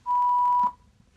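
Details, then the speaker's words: Zoll AED Plus Trainer2 in a simulated rescue scenario: after "shock advised, press flashing shock," a single steady beep lasting just over half a second, the shock-delivery tone, before "shock delivered, start CPR." "don't touch patient analyzing shock advised don't touch patient press flashing shock"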